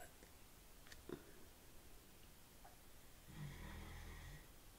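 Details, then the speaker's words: Pet ("my boy") snoring before noon in a quiet room: one low, rough rumbling breath near the end; species not stated. "hear that that's my boy what are you doing snoring it's not even 12."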